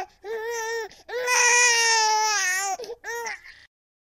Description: A just born or newborn baby cries for the first time.